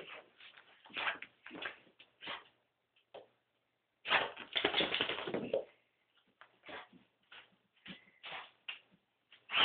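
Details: A female dog gives a run of harsh, airy coughing bursts, including one longer hacking spell; cause unknown to the owner: cough.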